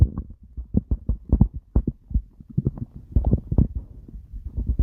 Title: stomach growling